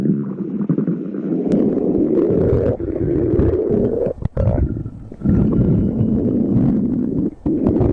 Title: stomach growling 10 MINUTES Compilation